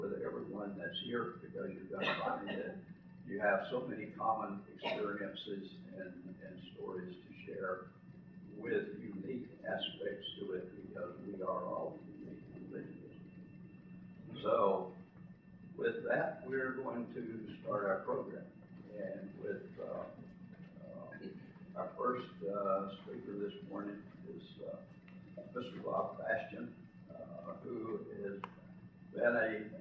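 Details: Adult man with self-reported spasmodic dysphonia, speaking as president of a spasmodic dysphonia patient association at its educational conference; real condition, spasmodic dysphonia.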